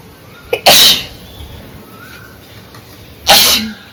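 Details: Sneezing and nose-blowing challenge clip: two loud, forceful sneezes a few seconds apart, the first preceded by a quick catch of breath; the sneezing knocked the person's bindi loose.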